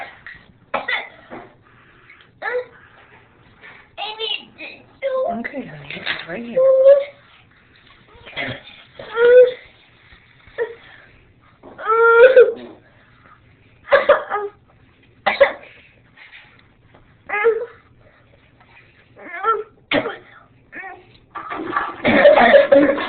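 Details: Eight-year-old girl with pertussis (whooping cough), May 2010, initially not recognized by doctors: spasmodic bursts of coughing separated by strained, high-pitched whooping indrawn breaths, showing how pertussis can sound in an older child.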